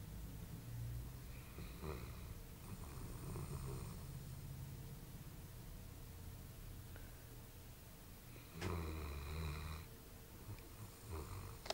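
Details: Dog snoring while sleeping after a long walk: low rumbling, snorting breath sounds over steady room noise; snoring.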